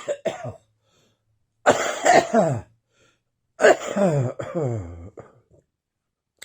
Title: Still Wheezing and Coughing Up a Storm.